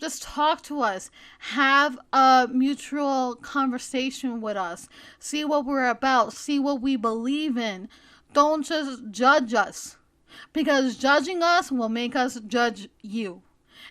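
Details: Adult female who reports a speech impediment that may sound like stuttering, and asthma that may make her sound out of breath; part-word repetitions; stuttering.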